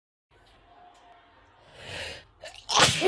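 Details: Woman with summer pollen allergies: quiet breathing, a building breathy inhale, then a sudden loud explosive sneeze.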